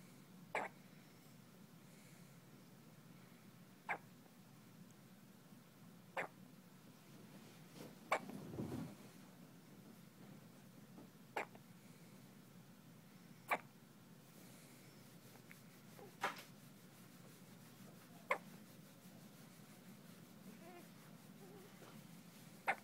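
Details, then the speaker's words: Newborn girl on her first day after birth, in hospital, with hiccups: soft, sharp hiccup clicks every two to three seconds, with visible twitching; a common harmless finding. "Oh no, we still hiccuping. We're getting frustrated with it too."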